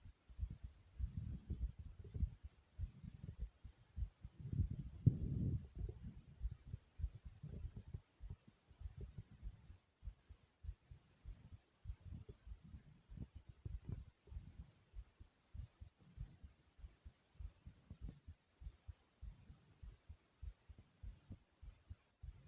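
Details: Own heartbeat beating fast and hard, deep strong thumps at about 100 a minute, with a few low stomach gurgles heard too: fast forceful heartbeat.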